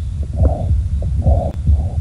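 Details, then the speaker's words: Mitral regurgitation murmur in a dog with a leaking mitral valve, a common cause of murmurs in middle-aged to older dogs, heard by stethoscope: a whooshing sound filling the gaps between heart sounds. "this is a dog who has a leak across the mitro valve in the heart which is as we'll talk about later a very common cause of heart murmur in middle-aged to older dogs what you'll hear is a sh kind of sound a wishing sound between the heart"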